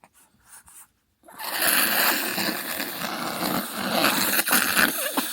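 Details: Newborn baby with saline drops put in the nose, then a manual nasal aspirator: brief quiet stretch, then loud continuous hissing suction as mucus is drawn out of the nose.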